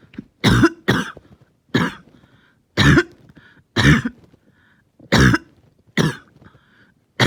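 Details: Painful, long-lasting coughing fit: about eight harsh, forceful coughs in quick succession over seven seconds with short gasps between; the cougher felt they stayed fairly calm.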